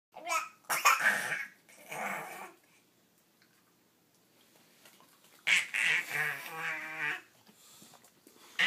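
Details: Young child voluntarily gives three short, forced fake coughs, then a drawn-out voiced sound, to get the attention of dogs that were ignoring him.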